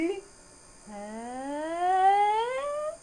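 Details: Patient phonating a pitch glide from low to high during a rigid videostroboscopy exam with normal findings; normal pitch glide (phonation).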